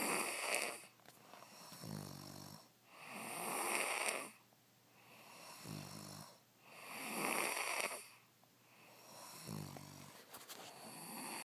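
Slow, steady snoring at roughly 17 breaths a minute: a low buzzing vibration on each inhale and a hissing, airy exhale.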